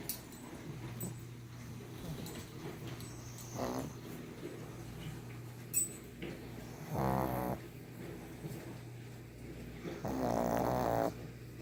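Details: A 1.5-year-old brindle pug sleeping gives rattling, fluttering snores, three bursts roughly every three to four seconds, over a steady low room hum; finding: snoring.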